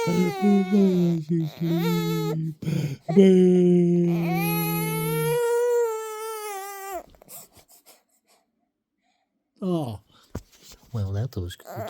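Loud, sustained infant crying with rising and falling wails, then a pause and short whimpering cries.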